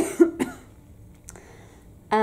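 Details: Breast cancer patient on immunotherapy with cough and breathlessness from a lung reaction, awaiting lung drainage: two short, dry cough bursts close together, then quiet and a brief voice at the end.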